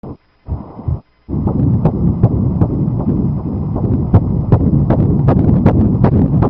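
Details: Fetal heartbeat on ultrasound at 7 weeks in a naturally conceived second pregnancy of a 45-year-old mother: fast, rhythmic whooshing pulses at 159 beats per minute.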